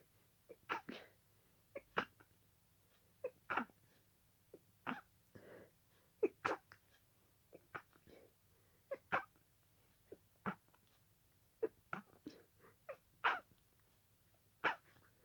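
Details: Sneezing fit, a continuation of an earlier fit, lasting about 20 minutes at this speed: rapid, sharp sneezes, around twenty in fifteen seconds, with short gasping breaths between.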